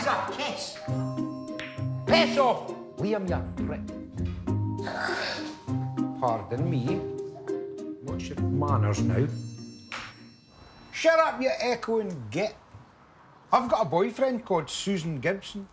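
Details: Adult man with Tourette syndrome, almost no ability to suppress tics; involuntary vocal tic heard mid-speech; vocal tics (Tourette syndrome).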